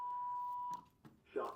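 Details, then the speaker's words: Training AED on a manikin in a CPR session: steady electronic tone, a brief pause, then the spoken prompt as the simulated shock is delivered; AED shock delivery. "Yep. So, I'm going to tell I'm shocking it. So, about to shock."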